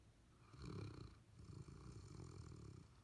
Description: Abundant Joy, our Golden Retriever, and Tupelo Honey, our Labrador Retriever snoring and dreaming.